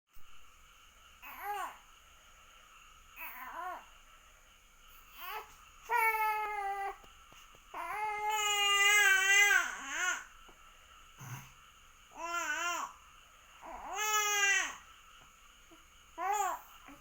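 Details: Baby fussing and crying, apparently thirsty and wanting a bottle, with babbling between bouts: repeated rising-falling voiced wails, a typical infant cry.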